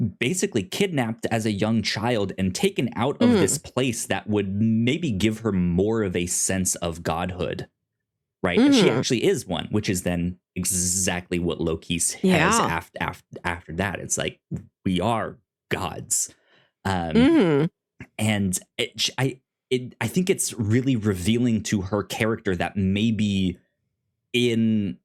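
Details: Self-described stuttering in an adult male podcast host who says he has a speech impediment; stuttering.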